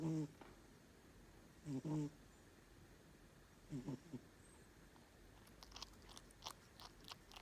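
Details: A sleeping, dreaming cat gives three low, buzzy snores about every two seconds, then faint soft clicks and smacking in a quiet room: ordinary cat snoring.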